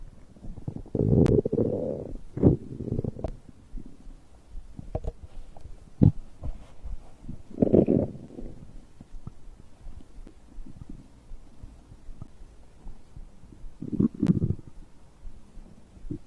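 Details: Stomach growling recorded after drinking a beverage: irregular gurgles, squelches and low rumbling bursts from the belly, ordinary digestive bowel sounds.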